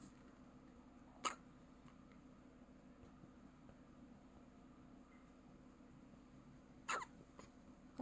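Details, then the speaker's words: Two sharp, brief hiccup sounds about five seconds apart over steady room noise in a newborn baby, hiccuping for about a minute, eyes looking sideways while hiccuping; hiccups. "咋办？打1分钟了，打的难受了。一会儿就好了，多拍一会儿就好。"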